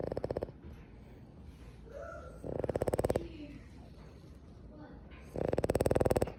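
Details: Boston Terrier dog snoring: three bursts of rapid, fluttering, rumbling snore sounds on breaths, separated by quieter breathing.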